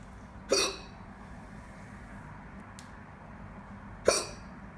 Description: Not posted in a while are too fast, got hiccups so here's a lil vid hope y'all enjoy